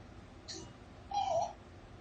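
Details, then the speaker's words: Pertussis (whooping cough) in a baby: multiple coughs in one breath followed by a short, high-pitched crowing inspiratory whoop, characteristic of the disease; bacterial infection, more severe in babies than adults. "so this is multiple coughs in one breath that's the womb all right that's something you don't want to miss hear that there that's characteristic for this disease"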